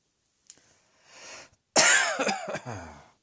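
A quick inhalation, then a harsh cough burst breaking into several short coughs that trail off; plain coughing.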